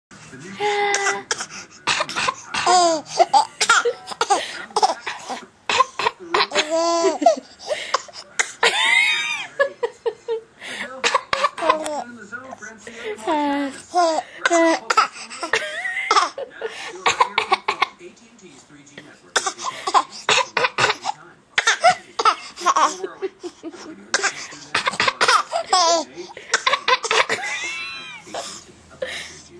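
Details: A child makes repeated deliberate, forced coughs mixed with giggling and laughter in a small room: a voluntary (fake) cough.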